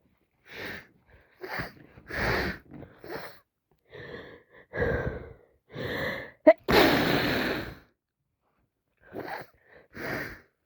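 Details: Person with a cold: series of sniffs and catching breaths building to a forceful sneeze, with more sniffles after; repeated sneezing all day with a snotty nose.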